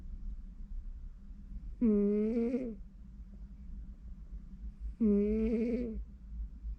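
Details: Two soft, tonal, groaning snoring breaths about three seconds apart over faint room noise from a sleeping pet cat (Pino or Meme).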